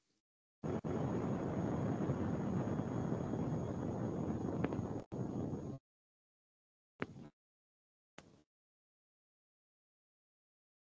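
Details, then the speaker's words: Needle EMG end-plate noise: a steady, irregular, interference-like hiss with a characteristic seashell sound, produced when the needle is at a neuromuscular junction that is regularly releasing acetylcholine. "Tiene ese ruido característico en caracola de mar. Miren que es un ruido irregular, o sea, verdaderamente es como una interferencia."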